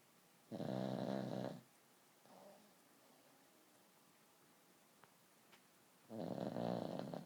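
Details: Sleeping pug puppy snoring: loud rattling snores, two long snoring breaths with quiet pauses between them.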